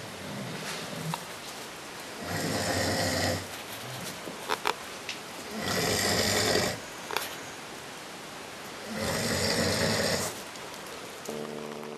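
Harsh, rattling snores roughly every three to four seconds, with a few faint clicks between breaths; loud ordinary snoring.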